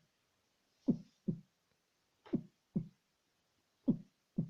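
Three slow lub-dub pairs of low thumps, about 40 a minute; each second sound, the 'dub', is slightly softer. Normal second heart sound.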